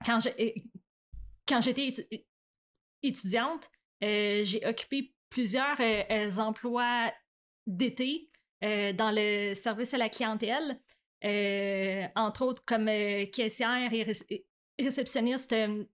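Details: Real adult French-speaking woman who stutters; stuttering.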